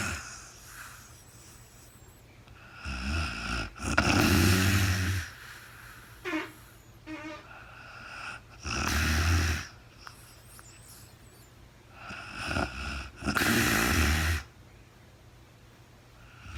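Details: Real-time overnight recording of a very tired sleeping woman: harsh, rattling snores about 13 a minute with quiet pauses between breaths; snoring during sleep.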